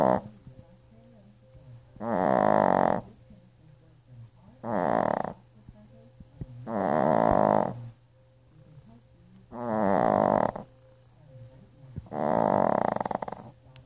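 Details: Loud rough snoring recurring every two to three seconds, about six in fourteen seconds, with grunting breaths between, from someone who is exhausted after a bath.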